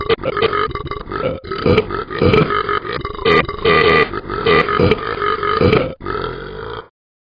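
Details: Ben the dog can't stop burping: a long run of loud, rumbling belches, one after another for about seven seconds, then silence; repeated burping.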